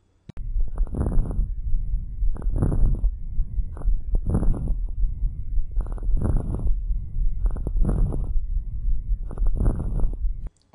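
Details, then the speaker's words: Crackles (rales) on lung auscultation, a paramedic teaching sample: about six breaths with rough popping and crackling bursts during the breath sounds. "but I want to give you an idea what you're listening for for rails or for crackles let's take a listen"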